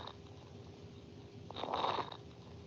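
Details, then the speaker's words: Nursing semiology teaching audio: brief burst of fine, high-pitched crackling over a faint hum, likened to rubbing hair near the ear; fine crackles, from small airways popping open. "que o paciente Tussa então a crepitação fina ela é semelhante ao flexionado os cabelos Então a gente vai ouvir agora um acreditação fina"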